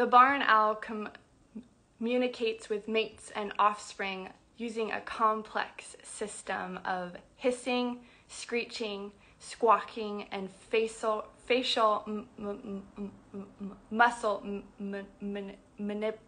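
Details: Adult woman who identifies as a person who stutters, speaking spontaneously on a livestream; stuttering.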